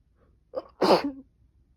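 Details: A quick in-breath followed by one forceful sneeze from a woman on the second day of a common cold, sneezing repeatedly.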